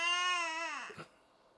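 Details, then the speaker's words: Hunger cry of a one-month-old baby boy: one loud, sustained, high wail falling away at the end, then a quick catch of breath; he screams loudly when hungry. "I want you guys to hear how he be screaming to the top of his lungs. He be screaming loud when he be hungry."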